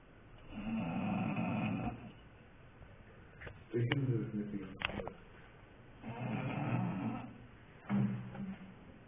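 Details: Dog snoring with people talking nearby: loud, rough, low snores rising and falling at a slow irregular pace, with faint room noise and a few sharp clicks.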